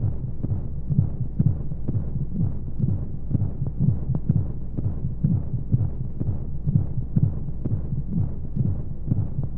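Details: Baby sleep aid womb sound: steady muffled low heartbeat thumps at about 125 per minute under a soft whooshing white-noise background, as heard from inside the womb.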